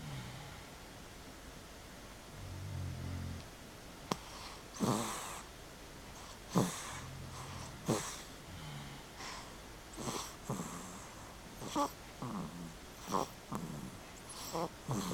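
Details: snoring A girl and her father snoring during REM sleep: soft, irregular snoring breaths with short sharp snorts and catches in a quiet room.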